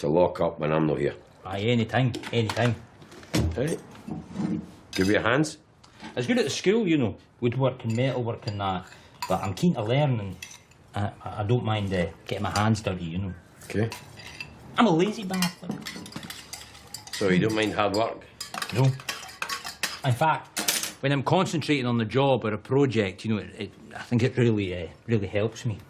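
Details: Acted portrayal of an adult male with Tourette syndrome by an actor in a biographical film; involuntary outbursts followed by apologies; Tourette syndrome vocal tic (coprolalia).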